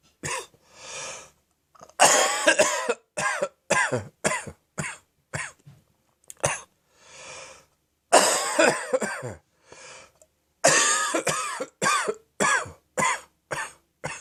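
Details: A hefty morning catarrh coughing fit from throat phlegm and acid reflux: repeated deep, rough, throaty wet coughs in clusters with gasping breaths between; productive cough.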